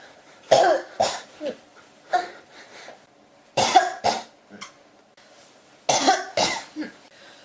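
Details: Persistent cough that will not stop: repeated dry-sounding bursts in quick groups of three, about ten coughs in seven seconds.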